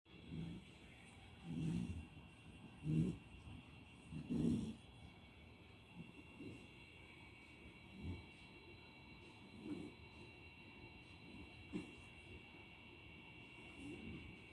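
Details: A sleeping Beagle puppy snoring softly and lowly at about 40 breaths a minute, some louder and snorty, fading toward the end.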